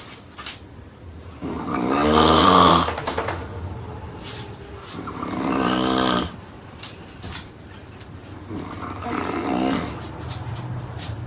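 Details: Snoring from a sleeping woman: loud, rough, vibrating snores on each breath, about three in ten seconds, with quieter breathing between.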